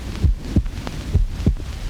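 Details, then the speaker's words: Deep, booming paired thumps, heavily amplified and muffled with background hiss: a normal human heartbeat, about 65-70 beats a minute, picked up and amplified electrically in a 1937 film. "actually it is the sound of a human heart which science can amplify a million times"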